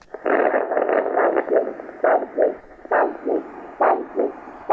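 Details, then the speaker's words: Handheld Doppler over the brachial artery at the antecubital fossa, BP cuff on arm, before ankle-brachial index measurement: rhythmic whooshing pulses about 68 a minute, a normal triphasic arterial Doppler signal. "that's a nice signal it's a normal triphasic pulse waveform that we're hearing with our Doppler"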